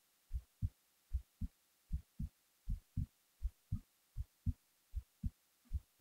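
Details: Resting heartbeat recorded while the person was falling asleep: steady, regular paired low thuds at roughly 77 beats a minute.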